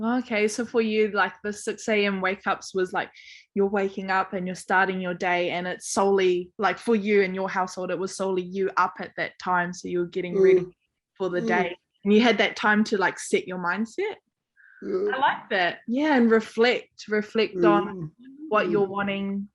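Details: Adult woman speaking; typical speech.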